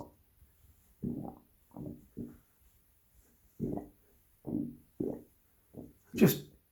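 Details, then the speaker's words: Voluntary stomach rumbling (borborygmi) on day two of a regular 2-day fast: about eight short, low gurgling bursts in a quiet room, the last one louder, made by deliberately contracting and pushing the abdomen in and out. "pushing in and out my abdomen. It's making all this internal noise. God, I'm the human frog."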